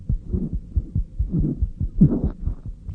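Fast, regular child heartbeat with doubled-sounding beats, a split heart sound, common and normal in children.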